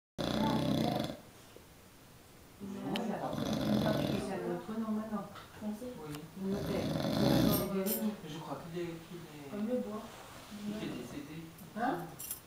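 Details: Snoring in a male said to snore all the time: loud, throaty, vibrating breaths with snorting and a whistly edge recurring throughout.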